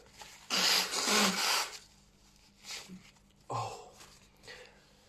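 One long, forceful hissing sneeze, followed by two or three shorter, softer sneeze-like bursts.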